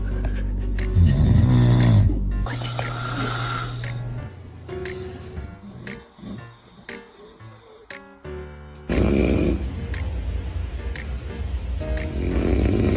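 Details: Dad's snoring, loud, low, rough rattling bursts of adult snoring, with music in the background; the baby is said to be scared by it.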